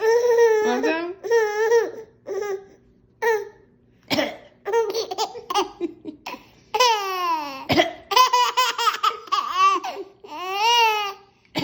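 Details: Young child laughing in high-pitched bursts with a couple of short, harsh cough-like catches between laughs; child then gets hiccups; cough during laughter.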